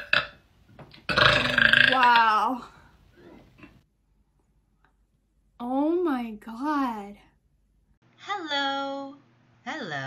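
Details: Girl burping in her bed: a long, loud voiced burp, then shorter croaky burp-like sounds, in a small quiet room; belching.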